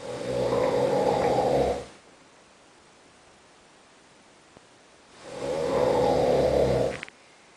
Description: next room's snorings in an hong kong hotel